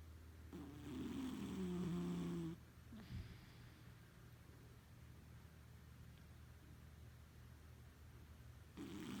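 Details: Cat snoring very loud in sleep: a loud droning snore on one breath, then a long quiet stretch before the next.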